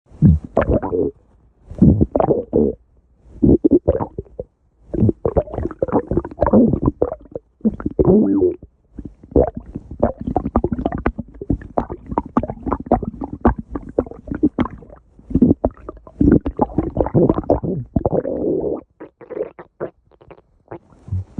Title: stomach growling